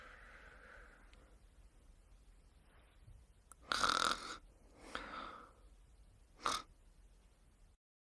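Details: Person sleeping and snoring: three irregular, rough, noisy breaths over quiet room noise.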